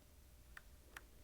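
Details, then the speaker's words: Philips HeartStart OnSite AED in a CPR demonstration after a shock is delivered: two sharp metronome ticks about 0.4 s apart (about 100–120/min) over room hum, pacing chest compressions with the heel of the hand at the centre of the chest. "place the heel of one hand in the center of the chest between the nipples place your other hand on top of the first push the chest down firmly two in keep time with the beat"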